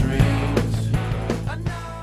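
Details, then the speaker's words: Simulated severe hearing loss with a hearing aid, applied to rock music: muffled, bass-heavy music with the treble almost gone; the aid helps but does not restore normal hearing. "a hearing aid helps with this degree of hearing loss but it does not bring hearing back to normal you can tell how this would affect your enjoyment of music"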